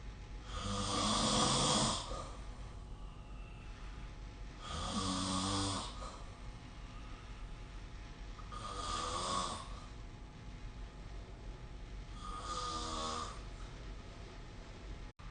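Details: Snoring recorded with the SnoreLab phone app: regular rasping snores about 16 a minute, each around a second long, over steady room hiss.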